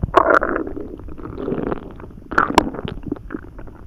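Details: Loud, active bowel sounds (borborygmi): gurgling, rumbling abdominal sounds in irregular bursts, recorded after eating a few poorly chewed hot dogs and drinking a lot of water.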